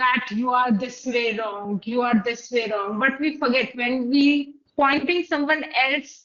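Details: Adult female speaker; typical speech.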